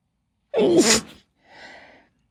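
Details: Female sneezing: a single loud sneeze with a voiced burst, followed by a softer breathy exhale or sniff; sneezing.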